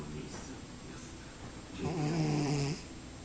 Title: cat snoring